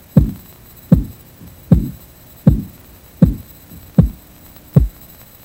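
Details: Regular soft tapping thumps, about 80 a minute, through a stethoscope during cuff deflation; practice sample for reading systolic (first sound) and diastolic (last sound) pressure by auscultation; Korotkoff sounds, 1997 first-aid training.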